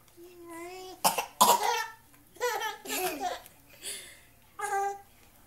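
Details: Child (Jack) doing two sharp, deliberate fake coughs on request to make a baby laugh, followed by the baby's giggles and squeals; voluntary fake cough.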